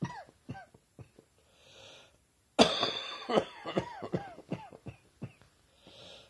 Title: Summer Cold Coughing Again